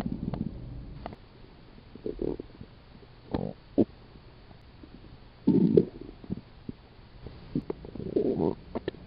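Low gurgling rumbles coming in irregular bursts, ordinary stomach growling from gas and fluid moving through the gut.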